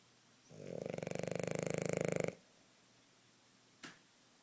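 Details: Hazel, a little girl (female), snoring while napping: one long, buzzing, fluttering snore of about two seconds on an in-breath, then quiet and a single faint click.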